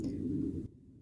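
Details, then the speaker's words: Hunger stomach growl (borborygmi): a low, gurgling rumble of about two-thirds of a second, then silence in a quiet room. "you hear that my stomach is like hong kong we are hungry over here girl let's eat"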